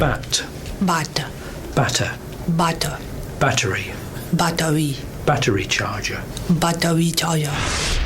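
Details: Girl with foreign accent syndrome that began after a medical event; foreign accent syndrome.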